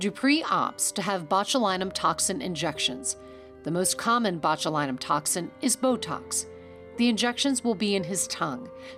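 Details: Adult female narrator; normal speech.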